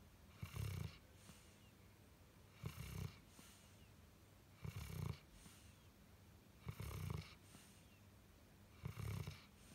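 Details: Snoring of a 4-year-old dog with degenerative liver disease, recorded while he sleeps.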